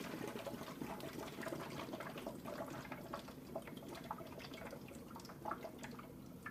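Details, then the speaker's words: Neonatal water-seal chest drain set-up: steady gentle bubbling and gurgling in the suction control chamber after wall suction is turned on; gentle, not big, bubbling is the desired setting. "then we're going to turn our wall section on and you're going to notice this when you turn the section on what you want is just a gentle you don't want big bubbly"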